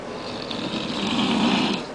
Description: My father-in-law snoring very loudly in a Thailand Hotel